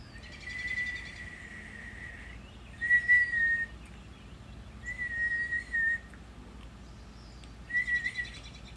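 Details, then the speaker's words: Adult with recent cold and congestion, who uses a CPAP machine, describes a new whistling from the lung on breathing: high, thin whistling tones coming and going with breaths over a noisy background; wheeze. "It's a whistling that's coming from my lung. And I'll breathe and it'll go."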